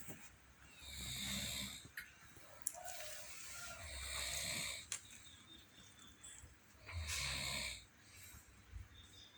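Three noisy, rasping snoring breaths about 3 seconds apart, roughly 20 a minute, with quiet room noise between them.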